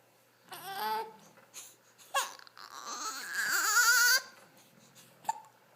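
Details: Baby said to often have hiccups fusses and whimpers, then gives a short rising wailing cry before settling, in a quiet room; infant cry.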